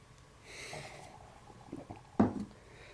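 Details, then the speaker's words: Brief low gurgling stomach bursts in a quiet room from an adult on an elimination diet who reports a headache: ordinary bowel sounds (borborygmi). "oh and my stomach so on the camera you're hearing GLE GLE GLE G GLE GLE girl"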